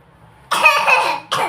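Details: A child gives a harsh, fairly long cough, then starts a second one as the clip ends.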